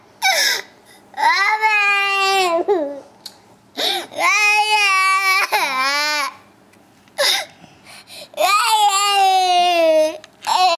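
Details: Loud, rhythmic infant crying in bursts with wailing pitch rises and gasping breaths between cries; ordinary baby crying.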